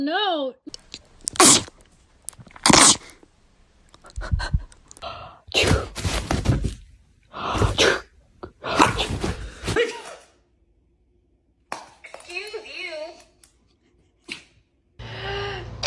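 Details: A person gives a run of sharp, explosive sneezes close to a dog in a small room, with brief dog whines around them.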